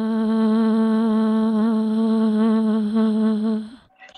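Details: Rough, breathy voice of a patient with a left vocal fold cyst seen on videolaryngostroboscopy; voice therapy and surgery planned.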